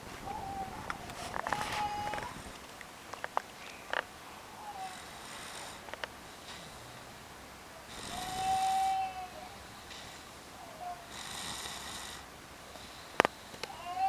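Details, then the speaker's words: A sleeping boy snores deeply, with rough, noisy breaths recurring about every three to four seconds. "瞓覺啲鼻鼾聲好犀利㗎。"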